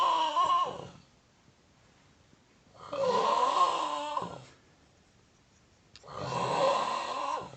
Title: Funniest snore EVER!!!!